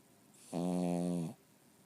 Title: Stuart the Cavalier King Charles Spaniel Snoring